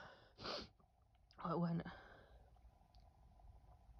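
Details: Female sneeze attack: a sharp breath in, then a forceful voiced burst, a single sneeze within an ongoing sneezing bout, nose bothering her.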